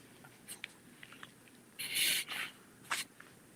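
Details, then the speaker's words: Female dog having a reverse sneezing episode, harsh snorting pulls of air through the nose while the owner comforts her; reverse sneezing. "I know it doesn't hurt them, but I hate to hear them doing that because it sounds uncomfortable. >> Well, they can't do anything but sit there and reverse sneeze"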